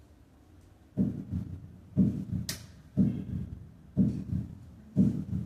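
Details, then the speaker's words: Normal heart sounds at the mitral area (apex) at 60 beats per minute: S1 louder than S2, single and not split, with nothing in the short pause. "si yo lo escucho en la vitral cómo está Sí se dieron cuenta es1 es más sonoro que s2 no está desdoblado no hay nada en la pequeña pausa"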